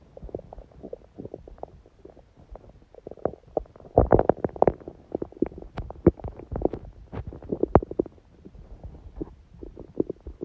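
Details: Continuous soft gurgles and pops from the belly, busier in the middle, on a quiet digestive day after a smoothie breakfast and salad; normal bowel sounds of digestion.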